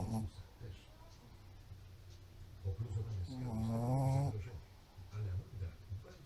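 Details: Sleeping pug snoring: low rattling snores with a whistling, nasal note, noisy through the short airway of a flat-faced dog; snoring.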